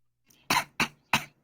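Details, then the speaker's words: Adult in a meeting gives three rapid, high-pitched squeaky bursts, a small stifled sneeze, which the person apologizes for as a cough and others liken to a puppy choking while eating. "저게 기침이야? 기침 왜 이렇게 귀엽냐? 저게 기침이라고. 야 뭐 강아지가 먹다가 걸린 거 같아."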